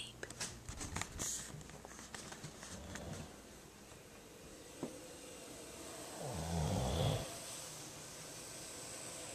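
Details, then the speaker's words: Person snoring while asleep: faint, low rumbling breaths in a quiet room, with a louder snort-like snore near the end; snoring during sleep. "This is because you snore and Mom can't"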